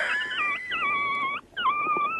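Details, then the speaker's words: Adult's deliberate imitation of wheezing, used to answer "yes" during a radio phone call: two long, high, wavering flute-like whistling tones with a brief gap; imitated wheeze, not real. "right say just one long wheeze if yes you're going to be in albany"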